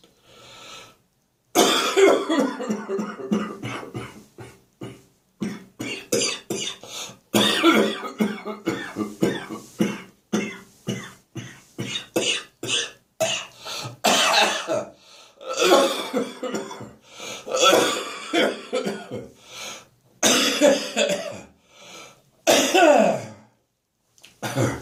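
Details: Adult severe morning coughing fit: long, harsh, repeated bursts of coughing with brief gasping pauses.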